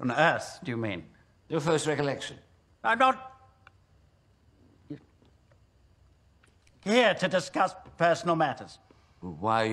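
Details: Acted portrayal: an actor playing a film character who stutters; stuttering.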